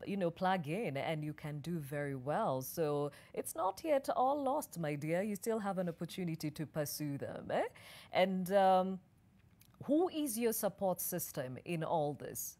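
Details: Adult woman; ordinary speech.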